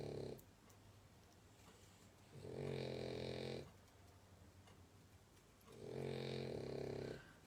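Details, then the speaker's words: Loud, rattling, buzzy snores on each inhaled breath, about 18 a minute, from a sleeping French Bulldog, with quiet room noise between. Owner says it snores while she watches TV: snoring. "Hark at her snoring. They do this when I'm watching the telly, and I have to have the sound up because otherwise I can't hear the telly for the dog snoring."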